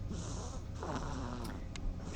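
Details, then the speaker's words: Snoring mouse, presented as a small animal snore during a podcast: soft, low rumbling snore with a faint purring quality and a few tiny clicks. "C'est une souris qui ronfle un petit ronflement souris."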